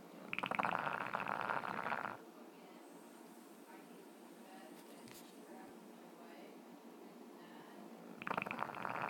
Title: French bulldog snoring